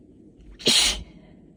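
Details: A single sharp, explosive allergy sneeze after a brief intake of breath, in a run of intensifying sneezes.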